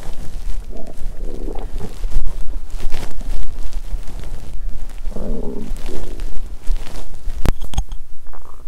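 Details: Stomach sounds after exercising on an empty stomach, which made them feel unwell: two bursts of low gurgling, bubbling rumbles over a quiet background with a sharp click near the end; bowel sounds.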